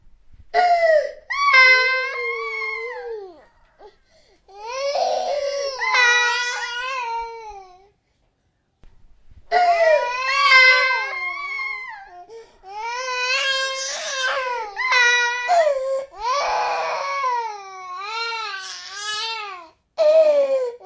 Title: Baby crying new born #sound #asmrsounds #soundeffects #baby #newborn #newbornbaby #asmr #noise